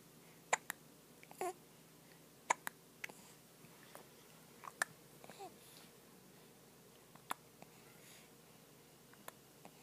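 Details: Baby with hiccups: soft, sudden catch-like sounds about every two seconds in a quiet room, with faint baby noises. Hiccups.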